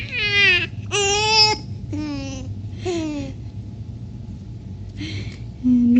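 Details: Several short, high-pitched cries and whimpers with pauses between them, in a small room, from a baby being tickled, whose laughing reportedly gives him hiccups; ordinary infant cry.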